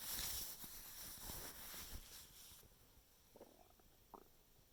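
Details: Stomach noises for 5 minutes after eating soup: irregular gurgling and low rumbling from the abdomen, ordinary digestive bowel sounds (borborygmi).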